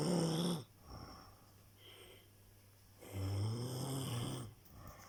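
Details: Snoring during sleep: low, rattling snores on two breaths with a quiet pause between them.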